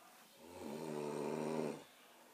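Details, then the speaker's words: An older sister snoring: one drawn-out, rumbling, buzzing inward breath of about a second and a half in a quiet room. "Ate snoring. This is Ate snoring."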